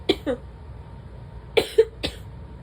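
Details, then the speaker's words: Coughing during a prolonged sneezing and coughing bout, with something felt stuck in the throat, in a cough that is mostly dry but threatening to turn wet: three short coughs in quick pairs, with faint room noise. "It's stuck. It's just making me cough."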